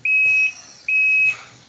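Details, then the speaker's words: Ventilator demonstration on a test lung manipulated to breathe more often than the programmed rate: two high-pitched electronic tones about half a second each, a high respiratory rate alarm. "Si se fijan, ahí yo manipulé mi pulmón y dice que respiraba más veces de las que teníamos programadas al minuto, y obviamente hay una frecuencia alta, ¿no? Esa es una alarma."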